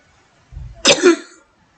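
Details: A brief low voiced sound, then one abrupt, harsh cough burst with a short throaty tail: a single cough.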